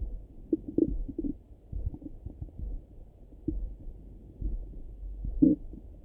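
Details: Muffled low gurgles and bubbling pops in irregular bursts through a stethoscope, a stomach rumbling in the morning. Bowel sounds (borborygmi).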